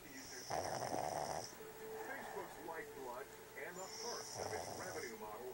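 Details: Snoring during sleep: rough, rattling sleep noises with snorting bursts over steady background noise.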